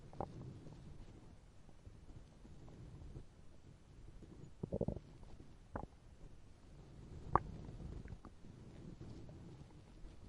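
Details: Fictional point-of-view scenario in which Bumblebee forgot to eat; quiet low gurgles and a few brief squeaky rumbles over faint room noise: stomach growling (borborygmi) from hunger.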